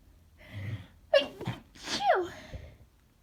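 A quick inward gasp followed by two sharp, explosive sneeze bursts in a quiet room.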